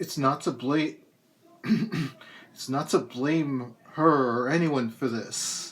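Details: Adult poet reading their own poem, with a lifelong speech impediment that is a complication of cerebral palsy. Hesitant, stop-start stuttering and stammering persists despite speech therapy through elementary, middle and high school. Speech impairment in cerebral palsy.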